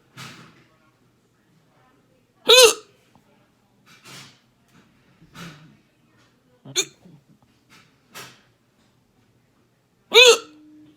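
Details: Person in the ER with repeated sharp hiccups, some loud and voiced, about seven in eleven seconds, reporting possible throat discomfort when trying to hiccup quietly after eating lunch; ongoing hiccups.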